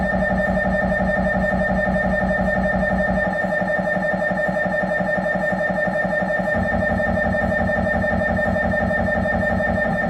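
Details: Loud steady buzzing and rhythmic knocking at about two per second, with the pattern changing partway through: MRI scanner noise during a normal head examination on a Siemens Magnetom Avanto 1.5T scanner.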